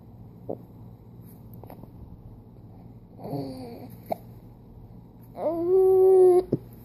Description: A baby with hiccups